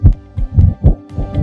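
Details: Deep, muffled heartbeat thumps from a DS101 electronic stethoscope played through an external speaker, with possible faint background music.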